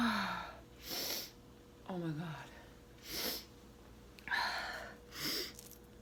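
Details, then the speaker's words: A run of about four sharp hissing sneezes, some preceded by voiced gasping intakes, deliberately induced; ordinary sneezing. "Okay, baby. I want to sneeze for you so bad. It tickles."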